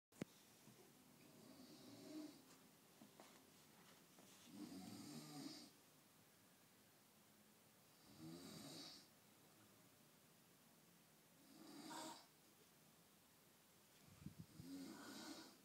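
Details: An adult male who doesn't believe he has a snoring problem gives loud rattling snores on the in-breath, about four over fifteen seconds with quiet pauses; snoring.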